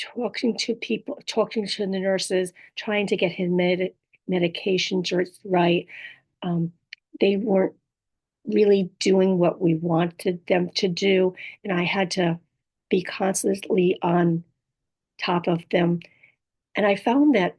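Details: Adult woman with apraxia of speech, dysarthria and aphasia after a stroke; she says her speech can be hard to understand; apraxia of speech with dysarthria and aphasia.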